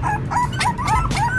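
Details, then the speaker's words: Puppy with suspected constipation, not defecating after two meals, gives repeated high whining yelps, distressed cries of abdominal pain before an enema is given: pain vocalization. "này nó đang đau bụng dữ lắm luôn nè Nó kêu quá rồi tôi sẽ bơm thuốc này vô cho nó đi cầu có thể là em em nó đang bị táo bón"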